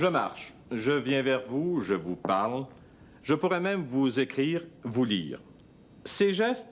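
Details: Adult male narrator; normal fluent speech.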